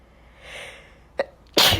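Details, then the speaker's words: Person with allergies (a recent cold now gone; suspects their cat) sneezing unstifled: a short intake of breath, then one loud, wet sneeze. "out oh that was a wet one sorry and I'm sneezing because of allergies"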